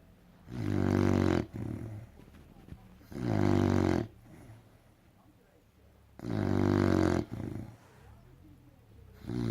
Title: Hilarious and LOUD American bulldog "Puddle" snoring